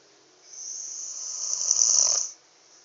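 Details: Sleeping after being tired out by last night's storm: one long, hissing, airy inward breath of about two seconds, rising toward its end; a single snore.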